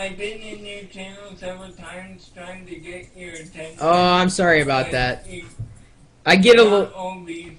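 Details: Speech of an adult man with cerebral palsy; no specific speech disorder is named.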